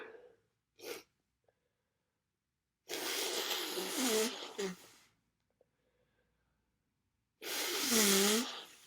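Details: Two long, harsh, congested coughing bouts with a rough, rattly quality, separated by quiet and a short sniff; coughing during a bad cold with congestion, sniffling and sneezing.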